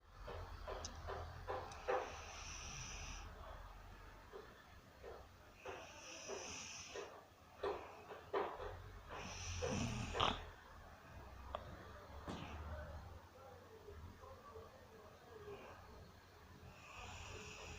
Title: My mum snore